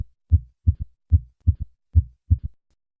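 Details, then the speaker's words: Low heartbeat with a soft extra thud just after the second sound, a galloping triple rhythm: low-pitched early diastolic third heart sound. "in summary third heart sound is a low-pitched early diastolic sound heard best at the cardiac apex using the bell of the stethoscope with the patient the left lateral position"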